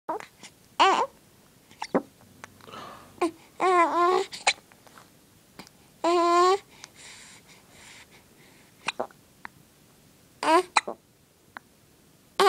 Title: Mean hiccups!